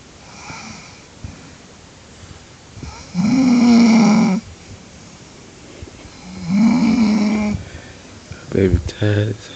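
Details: Adult woman (wife), tired, snoring in bed: loud, rough, vibrating snores about a second long and three seconds apart, then a brief snort, room noise behind; snoring.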